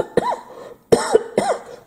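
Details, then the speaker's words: Three short, sharp dry adult coughs in quick succession, no rattle or mucus, from irritation right after saline nasal irrigation with a squeeze bottle. "there's nothing come up coming up this just a dry cough because everything's irritated"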